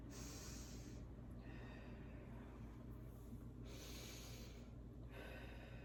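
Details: Normal vesicular breath sounds heard through a stethoscope during a respiratory assessment; soft, rustling deep even breaths with a low steady hum behind.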